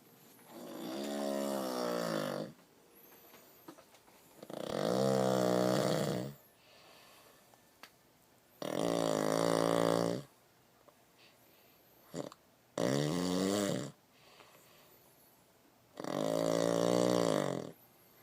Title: Bernie snoring